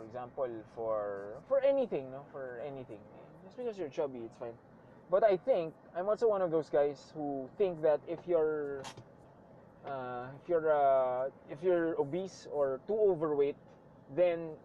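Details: Stuttering in a male speaker who reports that he sometimes stutters, with word and phrase repetitions.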